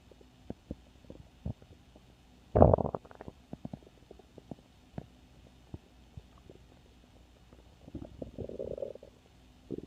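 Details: Stomach growls: quiet gurgles and clicks with a louder rumbling growl, then a softer bubbling stretch near the end, from gas and fluid moving through the gut.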